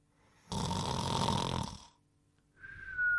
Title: Trouble Sleeping (1988 version): The Pink Panther Snoring and Whistling in 1 minute and 10 seconds